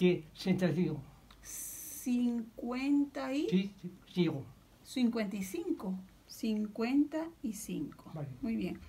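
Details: 61-year-old with nonfluent primary progressive aphasia, in therapy about two years; motor-predominant aphasia, apraxia, phonemic paraphasias and marked inhibition difficulties; connected speech during therapy; nonfluent primary progressive aphasia with apraxia of speech.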